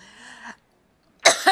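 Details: Adult woman coughing while giving a public speech: a brief strained voiced sound, a pause, then a sharp cough burst with a quick second burst.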